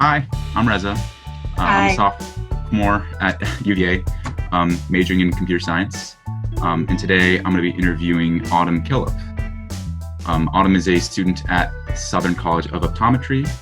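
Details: Adult male speaker; normal voice.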